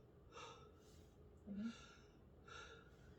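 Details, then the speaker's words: 32-year-old man, stethoscope auscultation over the back during a nursing respiratory assessment, taking repeated deep breaths on cue: soft, airy, unobstructed breaths, loud and clear in all four quadrants; normal breath sounds. "Okay, and his breath sounds in all 4 quadrants were loud, clear, and his very normal lung sounds too in all 4 quadrants."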